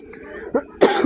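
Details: Adult woman with a heavy cough and cold after a Karva Chauth fast: two short coughs, the second louder and harsher; cough.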